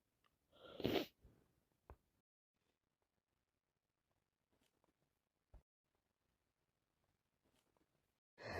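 One wet sneeze followed by faint sniffles in a quiet room, from a head cold.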